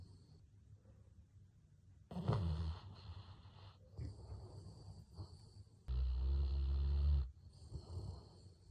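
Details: Golden Retriever snoring while asleep after a walk: a few deep, rumbling snores with soft snorting breaths between, in a quiet room.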